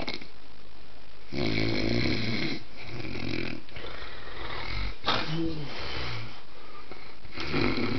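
Low, rattling snores from a sleeping dog, coming in uneven bursts with quieter breaths between; ordinary dog snoring in a small room.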